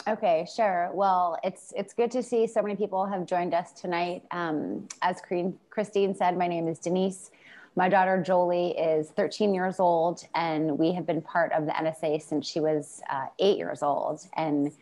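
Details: Adult woman speaking; ordinary fluent speech.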